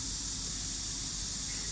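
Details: Dolphinmed DOL600Pro ICU ventilator running with a humidifier, circuit and air compressor, fed by oxygen and air: a steady airy hiss with a low mechanical hum, the normal operating sound.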